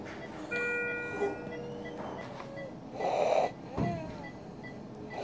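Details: A young girl in a pediatric emergency department with croup gives a harsh, seal-like barking cough among hospital room sounds; she also has stridor and is likely to be admitted.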